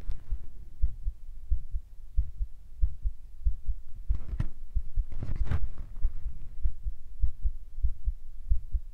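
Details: Self-recorded carotid pulse at the neck in an ASMR recording: regular low thumps about 90 a minute, which the person says is faster than usual, with brief rustling midway.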